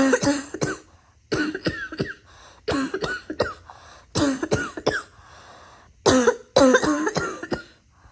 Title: Tired of all this coughing…